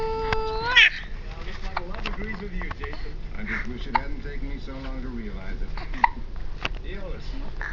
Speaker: Oh, you have the hiccups?